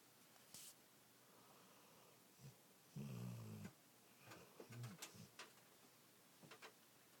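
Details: Soft, faint low rumbling breaths with small snuffles over a quiet room hiss from a sleeping dog; light snoring.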